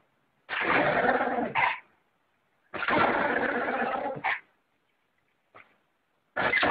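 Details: Dog sneezing, apparently on cue and praised afterwards: two sharp, noisy bursts of air each ending in a brief snort, then a small puff and the start of another sneeze.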